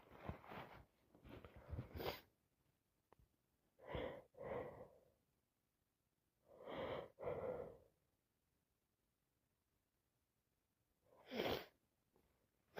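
Catching inhales followed by a few sneezes, with quiet pauses between; repeated sneezing from allergic rhinitis.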